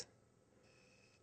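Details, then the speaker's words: Animas 2020 insulin pump delivering a pump-advised 5.85-unit bolus after the value is confirmed: a single soft click, then a faint, steady, high-pitched motor whine in a quiet room as bolus delivery starts. "donc je rentre les 5,85 unités je valide et j'injecte"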